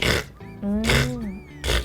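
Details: A person imitates a dog's hacking cough, as if something is stuck in the throat, in a vet's explanation of heart-disease versus respiratory-infection cough: three harsh, gagging bursts over background music: dog cough (imitated, hacking).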